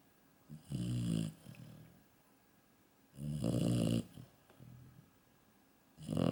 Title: Snoring beauty, Maria, yellow labrador